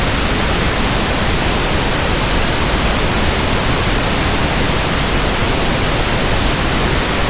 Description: Pink noise sound for tinnitus sound matching, ringing in ears, pink noise comparison, and tinnitus frequency testing.